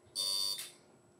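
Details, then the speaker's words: CO2 laser firing during a second resurfacing pass on a deep chickenpox scar on the forehead: a short high-pitched buzz under half a second, then a brief hiss as the laser stamps and heats the skin. "we're going to go ahead and retreat the same area with the laser just like a stamp the laser heats areas of the skin"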